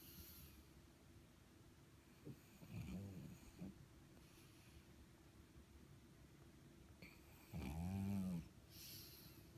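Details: Flat-faced pug snoring: two groaning snores with snorty, wet breath noises between them over steady background hum.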